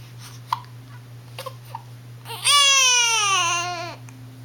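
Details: Infant aged 1 month and 1 week, sleepy and having hiccups: a few brief catching sounds, then a single sustained, high-pitched cry lasting about a second and a half; an ordinary infant cry.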